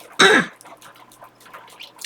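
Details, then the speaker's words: Middle-aged woman, several days into a persistent dry cough that causes her pain and is now improving, coughing while talking; dry cough. "계속 마른 기침 나니까 또 여기가 아프잖아요."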